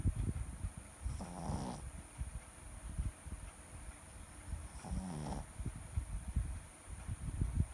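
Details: Shih Tzu snoring: two short, nasal, snorting snores about four seconds apart, with low thumping handling noise throughout.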